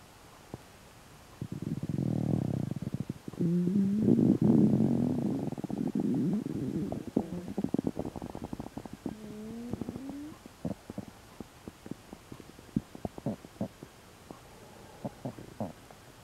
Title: MVI 1134 stomach ulcer sounds